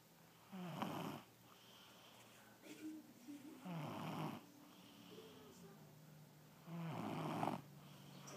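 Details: Stepson snoring during sleep: three rough, rattling snores on the in-breath with quieter breathing between, roughly 19 breaths a minute; ordinary snoring.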